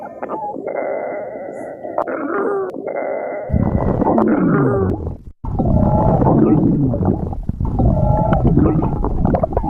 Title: Girlfriend stomach growling 4